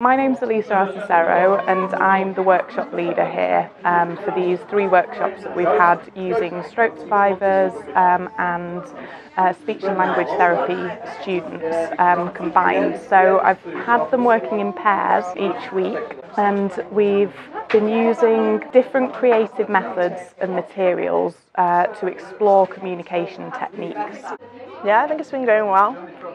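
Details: Adult woman speaking; normal speech.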